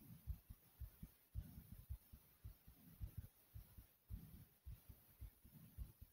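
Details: Adult heart pounding kinda fast: steady paired low thumps at roughly 100 to 110 beats a minute over a faint hiss.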